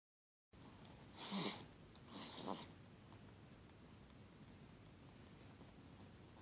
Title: Zzzzzz - snoring baby